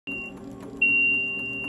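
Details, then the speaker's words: Steady high-pitched electronic tone, briefly broken then sustained, from an NxStage home dialysis cycler during its alarm test at setup, displaying 888 before being muted. "this video is how to set up your cycler now after the alarm test alarming with 888 now we have to do a mute okay press mute and then it will display ABCD and mute again"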